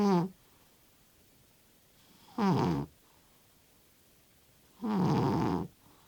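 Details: Cat snoring loudly, "like an express train", with music in the background.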